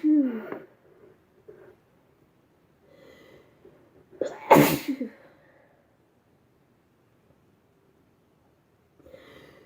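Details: A single loud, explosive sneeze with a brief indrawn breath before it, amid quiet room sounds and a faint voice, from a sneezing compilation; sneeze.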